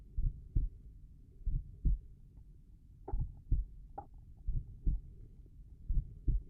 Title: Slow tricuspid valve heart sounds